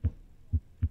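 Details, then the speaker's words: Normal heart sounds from a heart sound teaching app: three low thumps in under a second, clean first and second heart sounds with no murmur between them. "this is a program called heart murmur pro and what it does it allows the learner to work through pathological and normal heart sounds i start off just with a normal heart sound"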